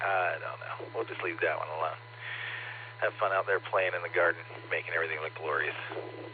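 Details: Adult speaker over two-way radio; ordinary speech.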